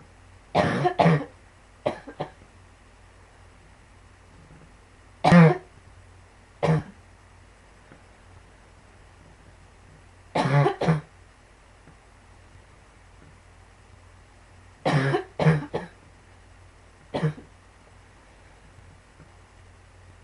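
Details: Person with pulmonary sarcoidosis coughing heavily: repeated bouts of short dry coughs, about five clusters in twenty seconds; chronic cough.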